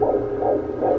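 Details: Fetal heartbeat heard on Doppler at a prenatal doctor's appointment: steady whooshing hum with rapid rhythmic swells.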